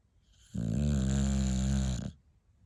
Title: Bulldog snores while awake